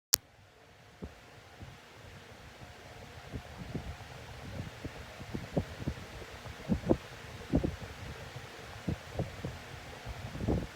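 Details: Rapid back-to-back hiccups during a bad afternoon, about 59 per minute: quick, irregular muffled jolts over a low hum, making it hard to talk and move and causing choking. Repeated hiccups.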